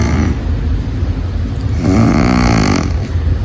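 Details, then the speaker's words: Person snoring during sleep: a single rough, rattling snore on an in-breath over steady low background noise. "जब आप सो जाते हैं तो आपके गले के मसल्स जो नॉर्मल वक्त में टाइट होते हैं वो रिलैक्स हो जाते हैं यानी ढीले पड़ जाते हैं।"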